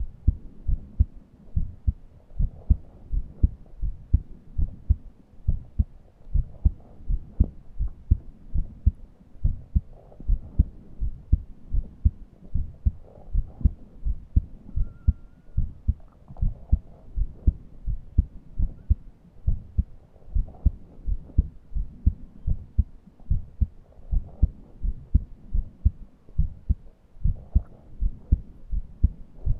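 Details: Heart and chest sounds while short of breath and unable to breathe deeply: steady low heart thumps near 83 a minute with only a faint, brief whistling wheeze over them.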